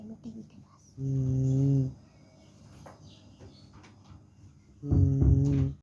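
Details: Tired sleeper snoring after qurbani: two long, low, droning snores about four seconds apart, with faint room noise between.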